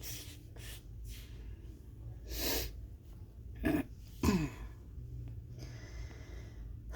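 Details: Stifled sneezes during a huge sneezing fit: quiet breathing and sniffs, then two short, muffled bursts held back through a closed mouth and nose.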